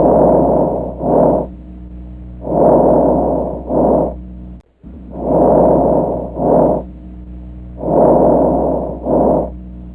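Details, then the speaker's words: Bovine lung auscultation by stethoscope within the lung field triangle: soft, even breath sounds about 22 per minute, no crackles or wheeze; apparently normal ventilation, normal breath sounds. "Y a partir de esto Cómo se debe escuchar la ventilación cuando es Aparentemente normal"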